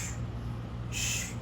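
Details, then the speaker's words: Vocal imitation of a crescendo-decrescendo heart murmur, rising then falling in intensity, used to illustrate murmur shapes caused by turbulent blood flow. "y luego pueden ser incendo decreciendo o sea hacia arriba y hacia abajo o sea como o como que sube y vuelve a bajar o bien nada más"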